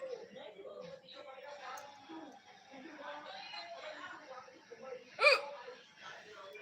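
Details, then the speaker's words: Hiccup just after a meal, attributed to eating spicy chillies: soft talking interrupted by one sharp, sudden gulping sound. "हिचकी आ गया। थोड़ा झाल खा लिए, मिर्ची खा लेते हैं ना तो थोड़ा हिचकी आ जाता है, कभी तेज मिर्ची।"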